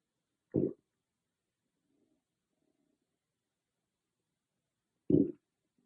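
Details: Own stomach growling recorded on an iPhone without a special microphone: two short gurgling bursts about five seconds apart against near silence; bowel sounds.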